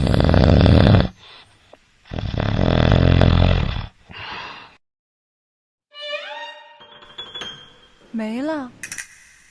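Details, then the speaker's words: Loud, irregular snoring during sleep, alternately louder and softer, then a silent pause of about a second before breathing resumes; interrupted breathing attributed to sleep apnea-hypopnea syndrome. "刚才这段录音我们听出来是什么？呼吸首先不均匀，一会儿声音大，一会儿声音小，而且还有中断，不连续。那它在中断的这段时间，就说明它没有呼吸，没有氧气的吸入。"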